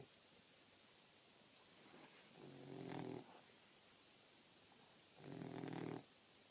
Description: Fast asleep and snoring little Lola the 4 month old Boxer puppy and her big brother Milo the Great Dane sighing at her!